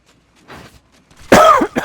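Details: Man coughing during live-streamed Apex Legends gameplay: quiet throat noise and breathing, then one loud, harsh cough followed by a short second burst.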